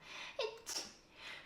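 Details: Young woman sneezes, then laughs at herself; sneeze.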